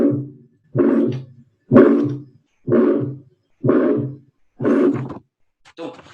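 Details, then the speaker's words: Systolic murmur in the aortic area, attributed to aortic valve stenosis: regular heart cycles near 62 a minute, each opening with a loud blowing murmur. "Então, começou soprando, é um sopro sistólico, certo?"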